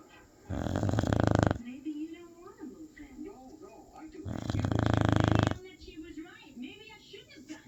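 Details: Female dog snoring loudly: two loud, long, fluttering snores about four seconds apart with quiet breathing between, television talk in the background.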